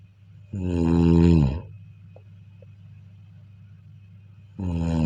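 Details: Loud, buzzing snores during sleep with a strong tonal rattle, separated by a long quiet gap; snoring.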